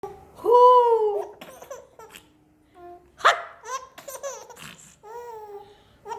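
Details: A baby laughing hysterically with bright squeals, broken by a sharp sudden catch; hiccups mixed with laughter.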